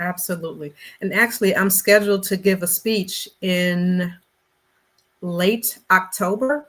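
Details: Stuttering in an adult Black woman who describes herself as a person who stutters; conversational interview speech.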